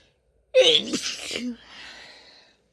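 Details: Woman's sneeze: a single sharp, explosive sneeze with a short voiced trailing sound and a breathy exhale after.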